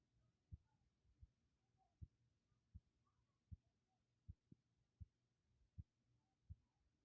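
Soft, regular low thumps at about 90 a minute over faint background hum, consistent with a heartbeat.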